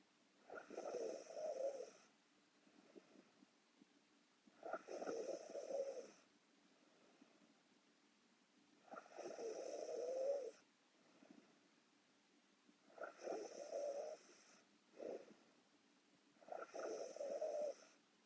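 Soft, rattling snores with each breath, about 16 breaths a minute, some with a snorting catch.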